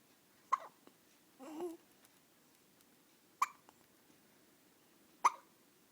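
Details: 14-day-old baby boy hiccuping after being fed: three sharp, brief hiccups a few seconds apart, with a soft vocal sound between them in a quiet room.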